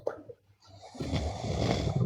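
A faint snort, a brief quiet gap, then a loud, rough, low rattling snore on the breath, growing louder toward the end.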